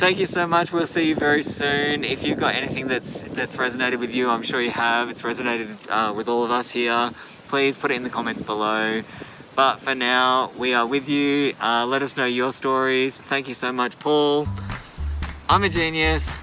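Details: Adult male speaker; normal speech.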